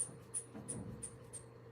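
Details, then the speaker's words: Classroom skills demonstration of manual blood pressure measurement: about five soft hand-bulb squeezes with brief hissing puffs as the cuff is pumped up, targeted at 160–180 mmHg before release. "so that way you have your other hand to hold on to your stethoscope so you're going to pump your gauge up here all the way up"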